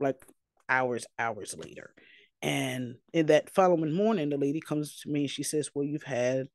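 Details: Aphasia following two strokes, in a person living with aphasia.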